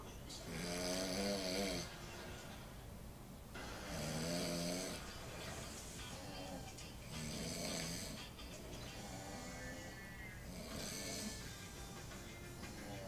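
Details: Two sleepers compared for who snores louder: repeated loud, buzzing inhaled snores about every three seconds, with faint music behind.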